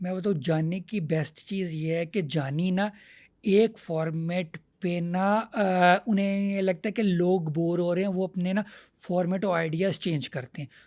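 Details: Stuttering in an adult male comedian.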